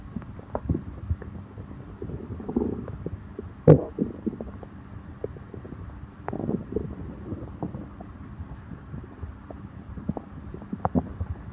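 Irregular gurgles and low rumbles with bubbling pops from the belly; stomach growling, normal gut sounds.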